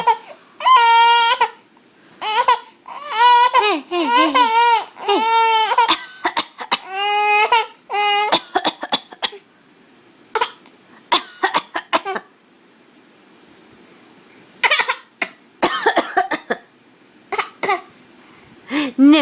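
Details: A young child cries loudly, then gives a series of short, sharp coughs in quick clusters.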